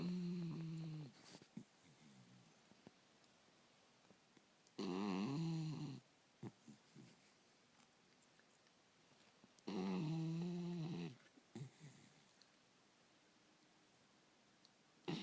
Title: Snoring puppy